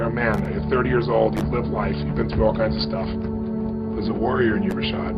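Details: Adult man speaking; no speech disorder.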